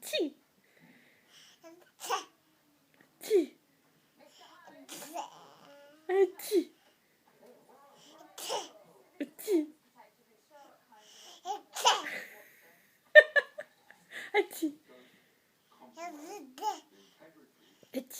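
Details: 9-month-old baby pretending to sneeze: short, sharp, sneeze-like vocal bursts with babbling between, an imitation rather than a true sneeze.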